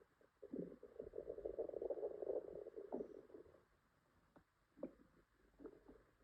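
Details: Female with an upset stomach, possible diarrhea and stomach ache: a prolonged low gurgling rumble then a few short gurgles, loud bowel sounds (borborygmi).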